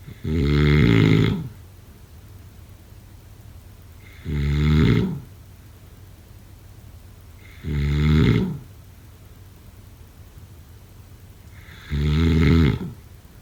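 Loud, rattling snores recur about every four seconds, roughly 15 a minute, with quiet pauses between them.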